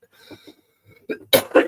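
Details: An adult presenter, whose voice is struggling, coughs while ending a live weather broadcast early.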